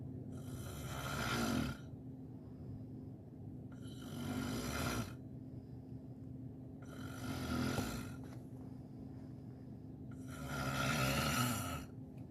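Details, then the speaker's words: Snoring in a comedy sketch: four loud, rough snores on the in-breath with quiet pauses between, about 18 breaths a minute. "time I was in the jungle and it was so dark I didn't know where it was, and I heard a noise. It was a very scary noise, and this is what I heard."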